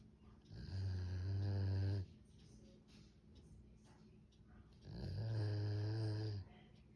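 Two long, loud, rumbling snores with a deep buzzing tone on each in-breath, separated by quiet out-breaths; ordinary snoring.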